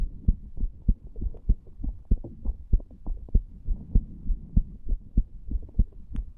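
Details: 34-year-old man lying on a bed after nicotine from a cigar and "green stuff", recorded over the tricuspid area: steady, regular lub-dub at about 98 beats a minute with a faint hum; normal heart sounds, upper-normal rate.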